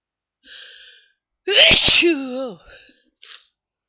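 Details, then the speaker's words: Person sneezy in the morning, eyes watering: a sharp inhaled catch, then one loud voiced sneeze with a trailing cry-like tail, among a series of morning sneezes. Single sneeze. "Oh, I'm so. I was just so sneezy this morning, and I thought I'd try to give you a few."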